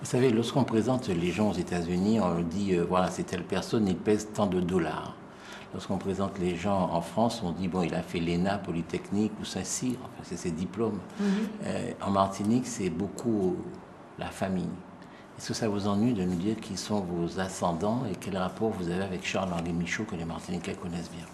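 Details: Adult male speaker; Normal speech.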